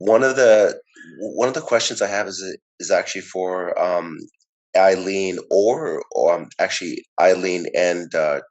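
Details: Audience member who identifies as a person who stutters, with audible repetitions while asking a question; stuttering.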